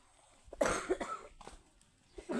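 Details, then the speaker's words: Two or three short, harsh cough bursts in a quiet room from an adult woman, the speaker's sister-in-law, who is said to have a cough. "यह हमारी ठानी जी नमस्कार खांसी आ रही है"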